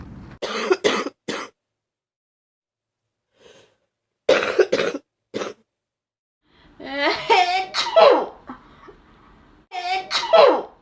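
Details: Ill student with fever of 39.2°C, congestion, very sore throat and sneezing, starting to cough up mucus: clusters of short explosive coughs, then longer harsh, throaty, phlegmy coughing.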